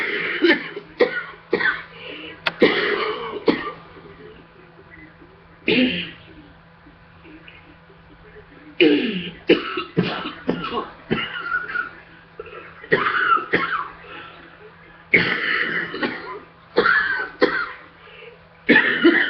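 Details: Coughing fit after getting off a treadmill: repeated harsh coughs in clusters over about twenty seconds following exertion.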